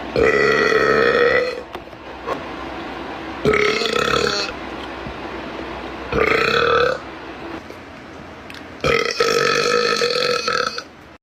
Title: Boy Gamer Burps